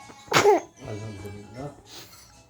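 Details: One sharp, explosive sneeze-like burst, then soft talk in a small room; a single sneeze.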